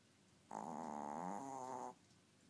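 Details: One loud, drawn-out, buzzing snore lasting about a second and a half, with steady room noise, from a very tiny 4-year-old sleeping pet.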